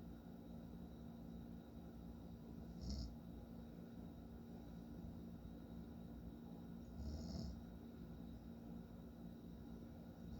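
Two low, rumbling snores about four seconds apart, each with a soft breathy whistle, over quiet room hum.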